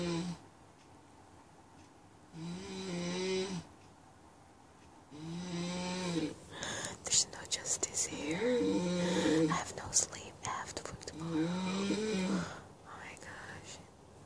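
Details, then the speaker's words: 36-year-old woman weighing 75 kg, asleep at 2 a.m., heard from about 2 metres: loud, rough, voiced snores on each breath, some broken into fluttering bursts; heavy snoring. "It's 2 a.m. here and I can hear my nanny snoring here in Singapore. We're like 2 meters away."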